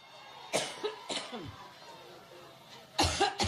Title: suffers debilitating coughing fit in Ohio